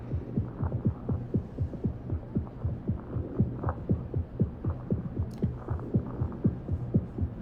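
Regular paired lub-dub heart sounds over a steady low hum; normal heart sounds with no murmur.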